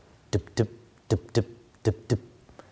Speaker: normally your heart sounds like this